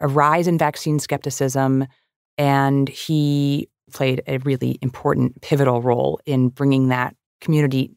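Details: Adult speaker; normal voice.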